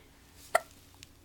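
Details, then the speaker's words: A single brief, sharp hiccup from a baby in a quiet room; infant hiccups. "Can you smile? Oh, you got the hiccups. Those are hard."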